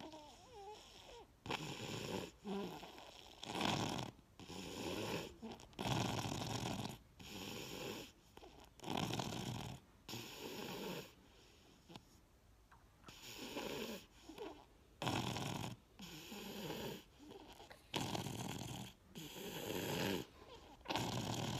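Loud, rapid, rattling snoring in a sleeping toddler, with a brief quiet pause, fitting obstructive sleep apnea.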